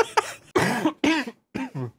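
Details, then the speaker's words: Adult male during a gaming livestream: a short run of four or five voiced, rough, throaty coughs in quick succession, described as a froggy cough, like a frog in the throat. "sounded very froggy you had a very froggy cough there i had a frog in my throat"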